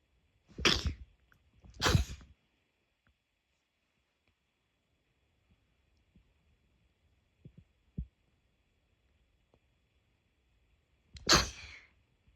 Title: sneeze 16